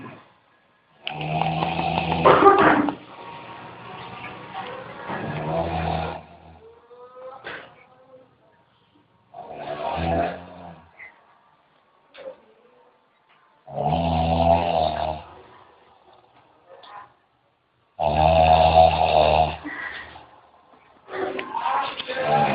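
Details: Person snoring: loud, rough, low-pitched snores recurring at about 14 per minute with quiet gaps between them.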